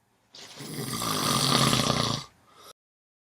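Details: Morning nap; a single long, rough, rattling snore on the in-breath lasting about two seconds, then a soft breath out; ordinary snoring.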